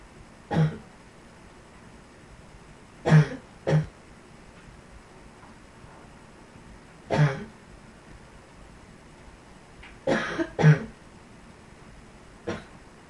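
About seven short, low coughs, some in pairs, separated by quiet pauses in a small room; a repeated dry-sounding cough.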